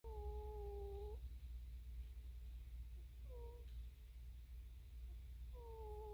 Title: cat snoring